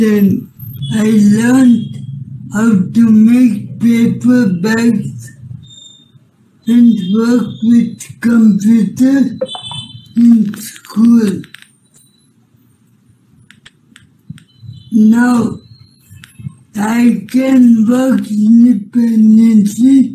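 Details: Young adult male with cerebral palsy who as a child could not hold things or walk, had balance problems, drooled and spoke very slowly; dysarthria in cerebral palsy.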